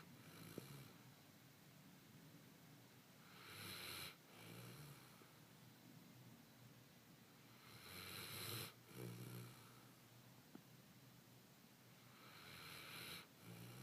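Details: Ordinary snoring during sleep: three harsh, hissing snores with low rumbles, about 13 a minute, over a quiet background.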